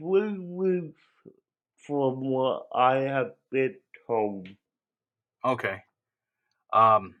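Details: Adult man with cerebral palsy; dysarthric speech (cerebral palsy).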